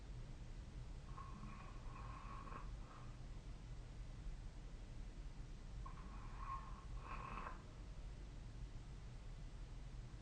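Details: Sleep snoring, apparently recorded with the SnoreLab snoring app: two soft, buzzing sleep breaths about five seconds apart over steady room hiss, consistent with quiet snoring.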